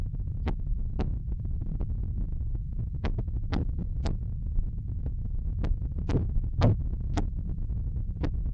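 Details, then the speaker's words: Soft Korotkoff sounds over low hum, some beats dropping out, while measuring pulsus paradoxus in a pericardial disease class. "el primer ruido coro con la sistólica fue a los 118 es la presión sistólica y luego se comenzaron a escuchar todos los ruidos al 100"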